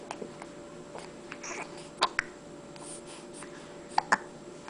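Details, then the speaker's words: Hiccups in a 6-week-old infant: brief, sharp little gulping sounds in two close pairs over a few seconds, in a quiet room with a faint steady hum. "uh-oh see got the hiccups"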